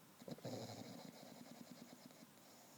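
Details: A sleeping bulldog snoring loudly after an afternoon at the dog park, though he snores every day: a rattling, vibrating snore that fades to quiet over a few seconds.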